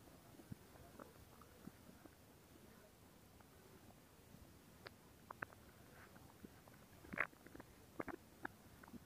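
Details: ASMR stomach growling recording: quiet gurgles with scattered squelching pops and bubbling; ordinary borborygmi, typical bowel sounds of a rumbling stomach.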